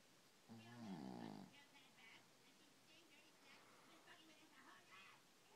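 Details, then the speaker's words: Sleeping dog: a single loud, rough snoring breath, then quieter breathing noise and faint background sounds; snoring. "Vida, Vida, are you snoring?"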